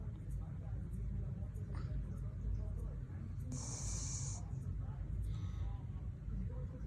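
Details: Sleeping rescue dog snoring: steady low rumbling breath noise with a brief hissing exhale partway through.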